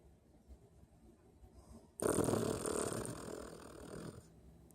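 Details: Sleeping dog, said to snore like an old man: after a quiet stretch, one loud, rough, rattling snore of about two seconds; dog snoring.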